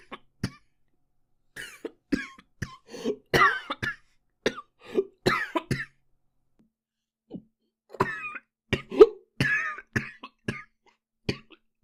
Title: japanese boy coughing 5